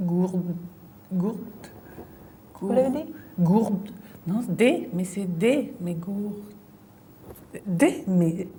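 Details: Female patient with a brain lesion; fluent aphasia with word-finding difficulty, word substitutions and distorted words.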